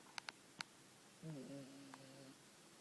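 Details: Toy poodle snoring, actually loud but recorded very faintly: a few faint clicks, then one soft, droning snore lasting about a second in a quiet room.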